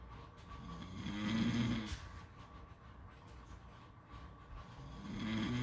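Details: Snoring: two deep, vibrating snores with a quiet pause between them over steady background noise.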